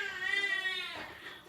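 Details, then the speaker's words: Baby screaming in background while mother sets up Medela Symphony breast pump: single drawn-out high-pitched wail fading off with room noise; infant crying. "Uh-oh, I got babies screaming in the background. I have to do this anyway, so we're gonna do it on film, and then I'm gonna go take care of my little screamer."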